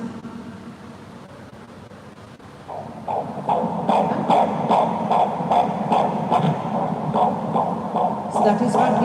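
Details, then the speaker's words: Fetal heartbeat on a Doppler monitor: rapid, regular whooshing pulses around 150 a minute with background hiss. "so from four weeks onwards when i scan there'll until they hear because that's where you know my baby is fine there is a tiny heart beating"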